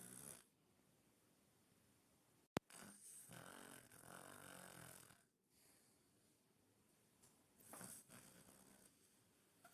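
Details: Grey Maine Coon cat with polyps at the back of the throat, asleep on a bed beside another cat and snoring loudly: soft, rough breaths recurring every few seconds in a quiet room. Snoring.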